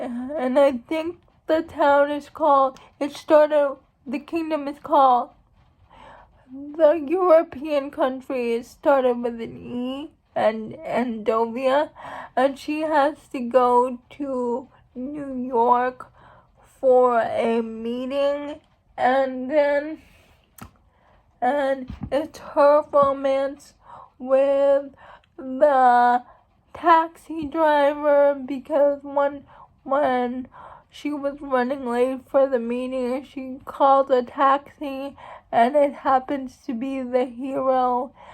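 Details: Adult woman who states she has cerebral palsy, real condition; dysarthria (cerebral palsy).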